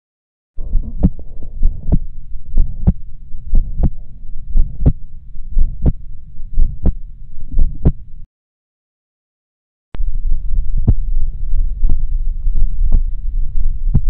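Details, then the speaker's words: Man with sternotomy and aortic valve replacement: crisp metallic prosthetic clicks (metallic second heart sound) at about 59 bpm, loudest over aortic area, with soft ejection systolic murmur there; brief gap midway. "On auscultation, the metallic heart sounds were loudest over the aortic area. I could clearly auscultate a metallic second heart sounds."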